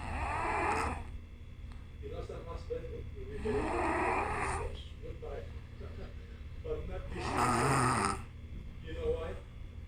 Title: sound asleep! new level of snore